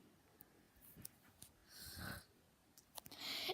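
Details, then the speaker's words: A friend sleeping right beside the bed at a sleepover, snoring. "The really annoying thing about having friends that snore over at your sleepover."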